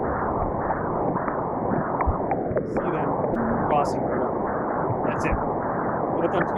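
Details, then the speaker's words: Transcranial Doppler bubble study monitoring the right and left middle cerebral arteries during injection: continuous whooshing flow with several brief sharp chirps and clicks, microembolic signals (HITS) from bubbles crossing a right-to-left shunt. "So, when you're looking at it and you're um you're injecting as well too, you're looking at the RMCA and the LMCA and you'll hear it increase that power"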